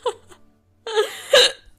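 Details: Persistent hiccups every few seconds in a drunk woman after a bottle of wine, with peanut butter tried without success: a sudden voiced gulp followed by a drawn-out vocal sound with another catch.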